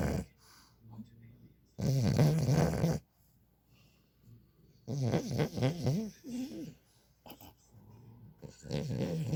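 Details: Female French bulldog (flat-faced) asleep: loud, fluttering snorts and grunting snores, irregular in rhythm; heavy snoring.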